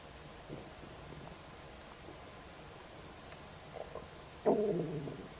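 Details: Stomach rumbling just after eating a snack of ribs: faint gurgles, then a louder drawn-out rumbling near the end; normal digestive borborygmi.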